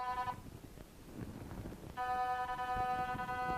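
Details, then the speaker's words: QRS Quantron Resonance System pulsed magnetic field therapy at the relaxed level: a magnetic field detector over and raised off the whole-body pad applicator picks up a buzzing tone with rapid pulsing, broken by a gap, a pulsing signal. "so you can hear the signal is operating off the body pad and you can see it's like a pulsing signal"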